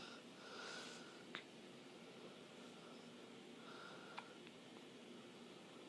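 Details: Female, loud hiccups: two brief, sharp, high catches about three seconds apart over steady room hiss; hiccups.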